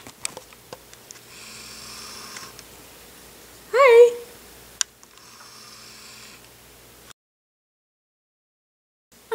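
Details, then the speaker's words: Sleeping dog in an odd position: two faint, whistling nasal snores a few seconds apart, with a brief louder vocal sound between them. "there's one seriously how does he sleep like that really bz can you hear him"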